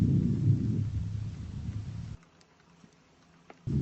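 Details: Soft, low rustling over the lower right back along the scapular line, with long inspiration, then a near-silent pause before the next breath: normal vesicular breath sounds, symmetric on both sides.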